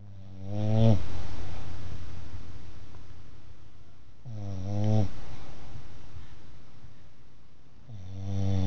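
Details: Pet named Sumo snoring while asleep after a hard day: slow, regular low rumbling snores at about 15 a minute, each a short buzzy inhalation with quiet pauses between.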